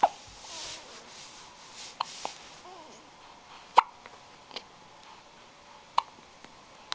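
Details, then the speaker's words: A baby (new baby), has the hiccups: brief sharp hiccup sounds recurring every second or two over quiet room noise, with faint vocal sounds; hiccups. "Somebody's got the hiccups. Now you're stuck. How are you going to get out? You've got the hiccups, mister. Oh, poor baby's got the hiccups."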